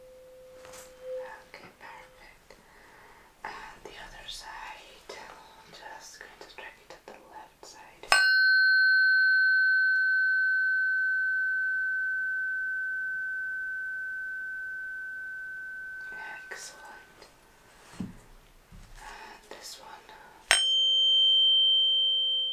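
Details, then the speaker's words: Simulated ASMR cranial nerve exam, Rinne hearing test: soft whispering, then 128 Hz and 512 Hz tuning forks struck and held beside the ear ring as clear, steady, slowly fading tones. "I'm going to strike it and pop it to the side, just next to your ear, if that's okay. Right. Striking it now."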